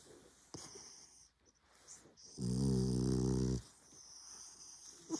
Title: Franch bulldog Snoring खराटे लेता हुआ कुत्ता